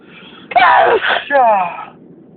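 Two loud, forceful voiced bursts in quick succession, part of an intense sneezing fit.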